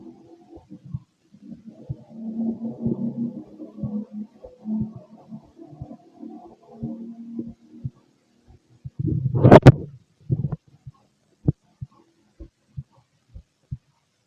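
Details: Low gurgling empty-stomach rumbles, then faint regular heartbeat thumps at about 65 a minute as the gurgling fades; normal heartbeat.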